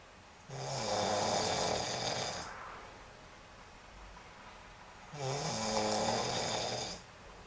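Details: Snoring during sleep: two loud, rattling snores with a low buzzing vibration, about 13 breaths a minute, with quiet exhalations between them.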